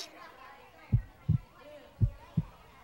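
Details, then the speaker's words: A child's heartbeat heard through a heartbeat-counting stethoscope on the chest: two clear, soft lub-dub pairs at roughly 55 a minute, likely simulated, in a resting state; a normal heartbeat. "COUNT: It's heart! Amazing! Now let's count the beats."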